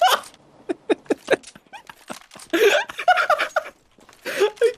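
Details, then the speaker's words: Adult man's sneeze during a gaming voice chat, with a high, squealing, crowing voiced quality likened to a rooster, amid short bursts of sound. "It sounded like a fucking rooster. Yeah. It sounds like a rooster. Bro, let me sneeze in peace."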